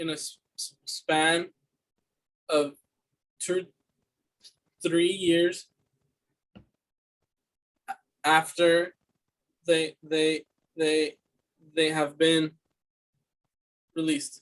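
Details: Student's fluency speech sample for a communication disorders class, answering interview questions: stuttering with repeated words.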